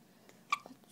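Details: Baby with hiccups.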